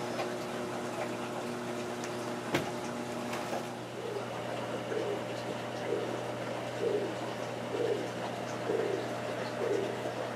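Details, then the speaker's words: Fetal heartbeat of a gravid female boa constrictor heard with a fetal Doppler: faint rhythmic whooshes over a steady hum, about 60 beats a minute. "it is that's the sound of the heartbeat so that's it fortunately I was able to find a heartbeat on that last female to give you guys a little comparison of what this looks like compared to the ultrasound"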